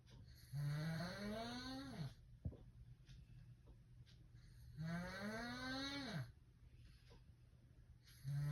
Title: How my snore sound like